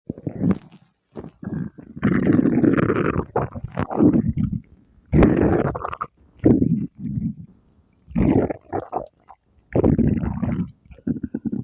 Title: stomach growl